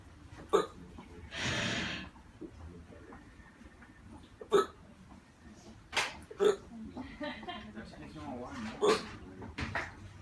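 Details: Day 8 of constant hiccups in a man who later had difficulty breathing and went to hospital: abrupt, sharp vocal catches about six times in ten seconds, with breathy exhales between them.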